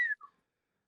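A brief, sudden whistle glides downward then breaks off, a simple vocal tic of Tourette syndrome.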